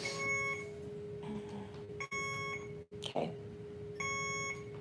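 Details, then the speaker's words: Hospital room of a 34-year-old woman with acute myeloid leukemia: repeated high electronic beeping over a steady tone from her IV infusion pump alarm, prompting her to call the nurse. "beeping I gotta call my nurse"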